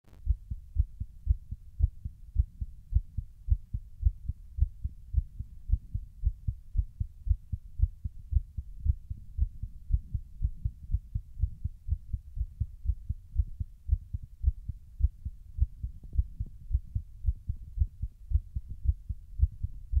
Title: Heartbeat ( Mitral )